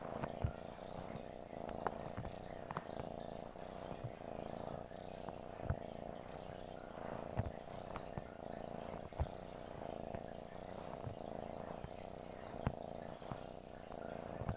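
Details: Cat purring: continuous low, rhythmic purring with occasional small clicks; normal contented purring.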